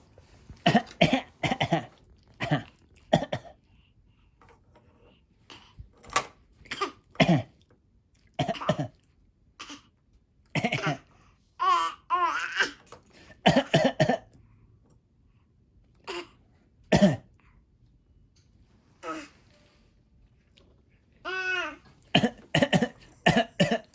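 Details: A child deliberately fakes short coughs and throat clears, with a few squeaky voiced bursts between them; simulated voluntary cough.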